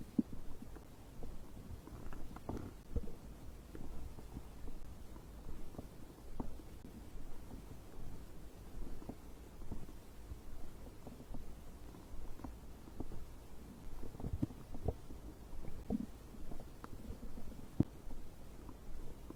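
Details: Bowel sounds recorded after drinking a beverage: quiet low gurgles and soft pops over a steady low hum, ordinary digestion sounds.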